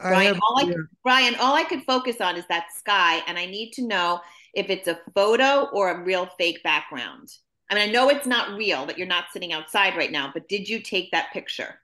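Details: Adult woman speaking; typical speech.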